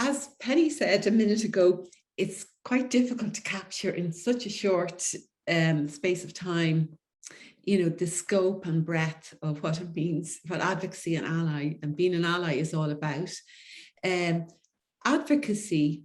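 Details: Adult woman speaking; typical fluent speech.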